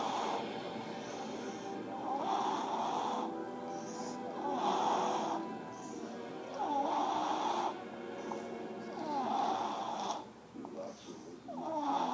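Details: Baby snoring on a couch: soft, snorting breaths with a slight squeak, repeating about every two to three seconds over background music.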